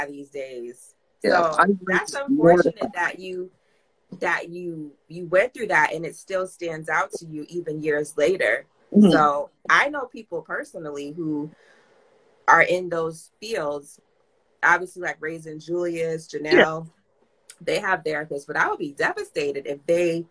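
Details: Adult speaker; typical speech.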